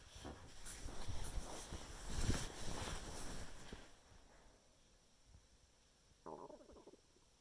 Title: my stomach is making noises after eating a chicken Caesar wrap